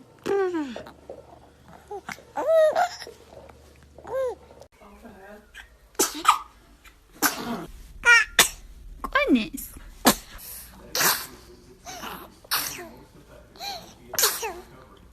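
Several small, abrupt infant sneezes mixed with baby squeals and adult voices, some background music; ordinary baby sneezing.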